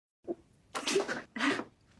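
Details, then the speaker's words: Two forceful sneezes in a row after a short intake, from a simulated TV comedy scene (Young Sheldon). "been called a germaphobe but I do find a single sneeze acceptable it could be caused by dust allergies really whatever nasal irritant floats your boat"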